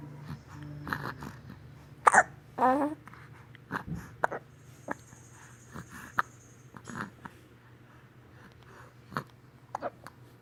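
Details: Hiccups in a 6-week-old baby: short, abrupt catches recurring every second or so, amid soft baby grunts and a low room hum.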